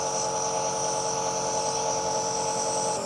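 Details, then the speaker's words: Patient with a severe asthma attack, about six inhaler puffs taken that day: steady mechanical hum and whine of a nebulizer compressor running continuously, no clear breath sounds. The patient is not improving and an ambulance is called. "okay I'm going to get you a nebulizer now so we can talk a bit more okay"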